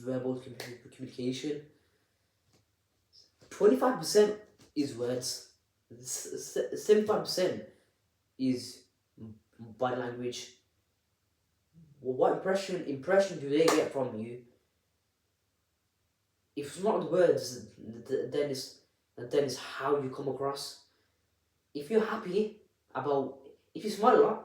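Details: Adult presenter who stammers, speaking unedited; repetitions of words and syllables are audible; stuttering.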